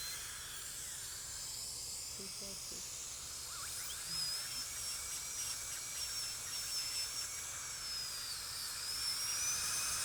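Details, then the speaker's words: Orthodontic aligner attachment removal: high-speed dental handpiece with 12-fluted carbide polishing burr, light strokes removing composite from enamel; steady high-pitched whine with faint hiss, slightly wavering pitch. A 16-fluted carbide burr follows to remove enamel scratches. "Just need a light stroke to remove the composite. Then we like to go back with a 16 fluted carbide burr to make sure you don't have any scratches on the enamel."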